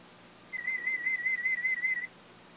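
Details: Hearing test (audiometry) at a hospital ear unit for a cochlear implant user, third test after implantation, hearing reaching the speech banana: single warbling high-pitched test tone about 1.5 seconds over faint hiss.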